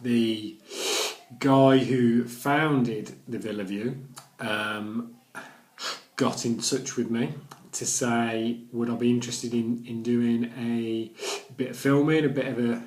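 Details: Adult man who stammers, recorded during recovery after Starfish Project stammering therapy; his speech was much more severe before therapy; stuttering (stammering).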